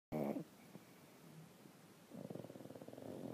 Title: Dueling Pug Snores